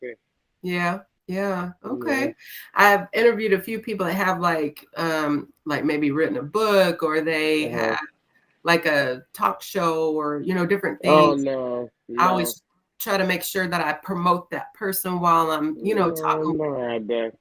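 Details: Adult interviewer; normal fluent speech.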